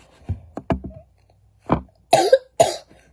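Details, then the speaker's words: A sick child at home gives a run of short coughs, a few weak bursts then two harsh, forceful coughs after a pause, and says he has been coughing a lot. "coughing lot been coughing I want some water"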